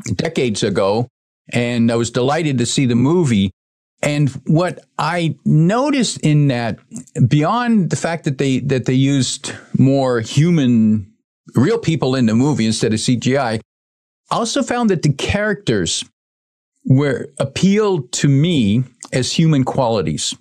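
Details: Adult male speaker; ordinary speech.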